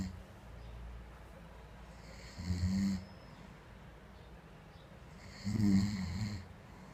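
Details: Snoring, attributed to alcohol: two loud, low rattling snores about three seconds apart, each on an in-breath, quiet room; snoring.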